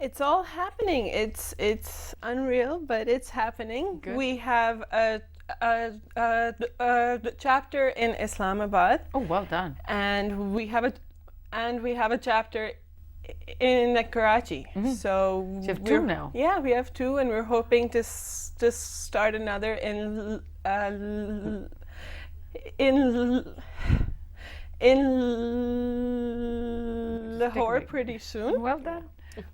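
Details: Adult woman who stammers, speaking in a TV talk-show interview; stammering.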